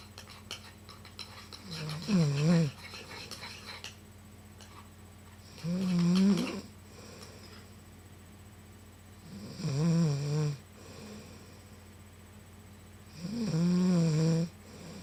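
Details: Loud, rattling snores on each inhalation, about 16 breaths a minute, with quiet exhalations between and steady room hum, from a sleeping woman; snoring.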